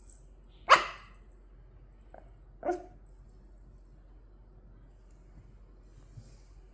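Two brief, sharp nasal bursts from a dog, the first louder, in a quiet room; ordinary dog sneezes.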